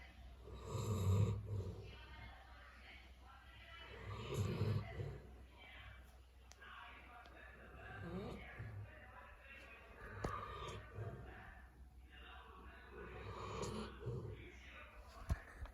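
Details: Sleeping Rajapalayam dog: deep, rumbling snoring breaths rising and falling roughly every four seconds, about 15 a minute.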